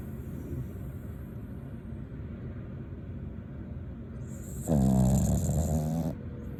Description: Taco the rat terrier snoring and dreaming of bacon treats